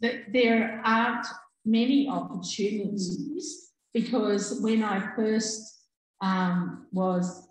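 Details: Adult woman with aphasia after a stroke in August 2020, who could only say "um" at onset; she still has word-finding difficulty and delayed speech output; finding: aphasia after stroke.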